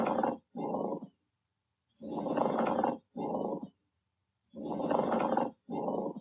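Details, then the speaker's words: Pleural friction rub in a lung-sounds teaching example: rough, creaking, scratchy grating like sandpaper with each breath in and out, from inflamed pleural membranes rubbing together, typically heard in one place. "they can make this rough scratchy sound it often described as sandpaper rubbing against itself typically it is only in one place"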